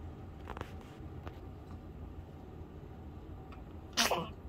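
Faint sniffs, then one sudden explosive burst of air near the end over low room rumble: a sneeze.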